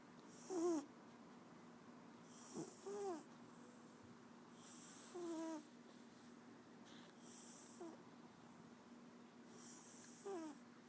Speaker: Have you ever heard a cat snore that bad?